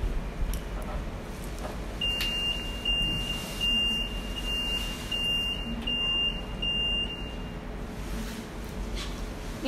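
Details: Power-on beeps from a high-flow nasal cannula oxygen device being switched on and set per doctor's instructions, used for oxygen therapy in hypoxic COVID-19 patients.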